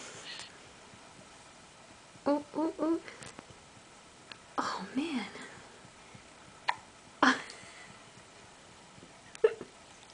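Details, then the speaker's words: Baby hiccups in a quiet room: brief, sharp, voiced catches recurring every few seconds, about 27 per minute, irregularly spaced. "That's it. Hiccups. Oh."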